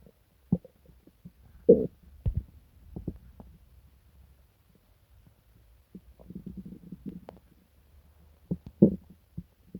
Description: hellooooo, how have you been? these last few days I've been sick to my stomach 😞 you know, pain, diarrhea, nausea, etc. but hey, my stomach has been pretty rumbling today and I decided to record soooo here you go.